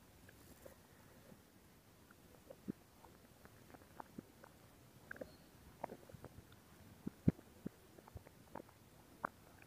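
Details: Stomach growling: quiet, irregular gurgles and squelching pops from the belly as gas and fluid move through the gut; normal borborygmi.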